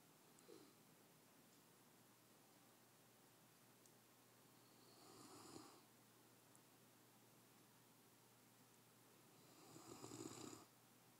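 Soft rasping snores on breathing in, spaced about five seconds apart against quiet room noise; ordinary snoring.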